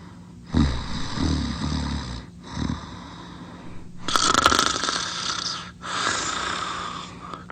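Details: Bully dog sleeping and drooling, loud rattling snoring breaths with wet gurgling edge on some breaths; snoring.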